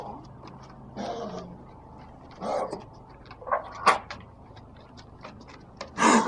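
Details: Dog Gozman coughing, recorded 4/15/17: brief throaty huffs and a harsher burst at the end, with panting and household noise.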